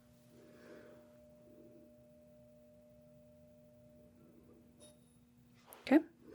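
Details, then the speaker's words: Simulated hearing exam roleplay, Rinne test: tuning fork struck and placed on the mastoid process behind the ear, then held next to the ear; sustained tuning fork tone heard until it fades. "And I am going to have you tell me when you hear the sound, then when it stops. When it stops, I'll bring the tuning fork right next to your ear and you'll tell me if you hear it and if you do when it stops."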